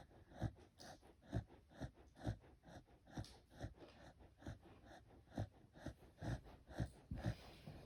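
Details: Sleeping sheep snoring: rhythmic low snorting breaths, about 65 a minute, each a short rough burst.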